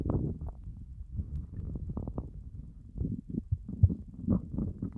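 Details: Stomach growling after a fast of more than 30 hours: continuous low gurgling and groaning belly rumbles; loud hunger borborygmi, a normal gut sound.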